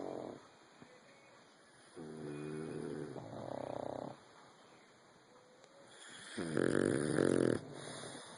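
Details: Sleeping pugs and a bulldog: repeated loud, buzzing, rattling snores from flat-faced dogs, quieter breaths between, faint high room hum; snoring.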